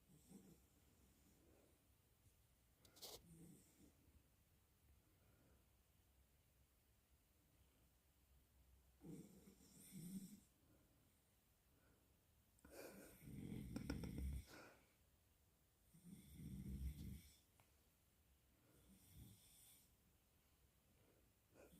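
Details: Snoring in a sleeping French bulldog: soft, snorting snores, about four over twenty seconds, with quiet breathing between.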